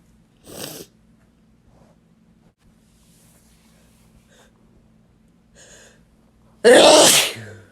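A short sneeze, then a quiet pause and a loud, wet, forceful sneeze, over a low steady hum.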